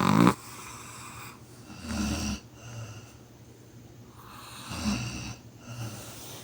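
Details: Dog, tagged chihuahua, in deep sleep: deep, rumbling snores on the in-breath with quieter out-breaths, about two breath cycles in six seconds; ordinary snoring during sleep.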